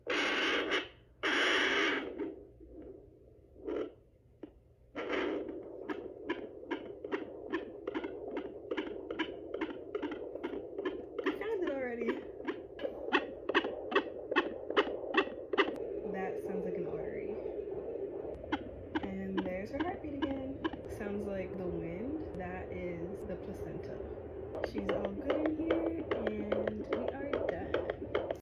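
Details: Fetal heartbeat of a baby girl on a Sonoline B handheld Doppler: rapid, regular whooshing at around 140–150 a minute, with swishing artery and placental sounds.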